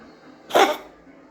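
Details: A single short, harsh cough-like burst from a cat; owner unsure whether it's a hairball or a cough.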